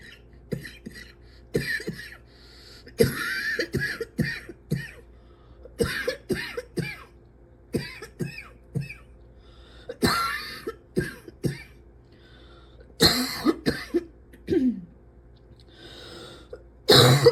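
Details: Persistent cough, described as unable to breathe without coughing: repeated coughing and throat clearing in frequent bursts, about twenty in seventeen seconds, over low room hum.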